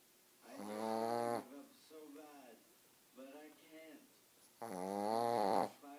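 Two loud, rattling snores with softer breaths between them, in a quiet room. Snoring.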